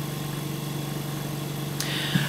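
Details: A veterinary Canta Intelligent V 8 L/min oxygen concentrator running: steady low mechanical hum, with a brief hiss as the flow is turned up.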